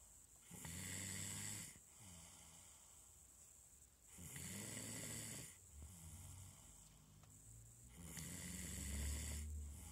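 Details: A tired-out girl snoring: repeated low, rattling snores with a breathy hiss, about 16 breaths a minute and slightly uneven. Ordinary snoring.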